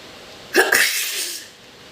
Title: Wet sneezing.